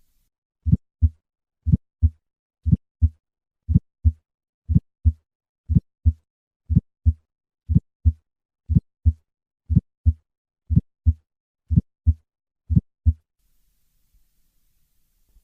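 Regular heart sounds at about 60 beats a minute, with a crisp early systolic click: an aortic ejection click from a bicuspid aortic valve. Brief noise at the end.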